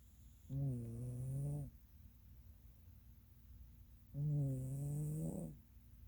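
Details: Norwegian Forest Cat napping: two long, buzzy snoring breaths about four seconds apart, with quiet pauses between.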